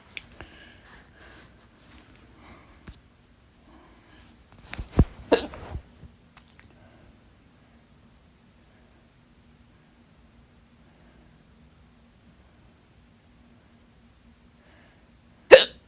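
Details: Sharp, abrupt hiccups, a few close together, then one loud one after a long quiet gap, from a stubborn, fast 30-minute hiccup bout blamed on too much salsa; the hiccups stopped after the fourth breath-hold.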